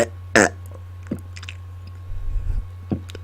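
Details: Deliberate burping on command into a close microphone, warned to be loud: one loud, deep burp, then a few softer belching and throat sounds over a steady low room hum.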